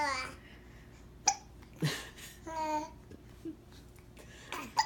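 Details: Sudden sharp hic sounds mixed with babbling and giggly voices, possibly two children; hiccups.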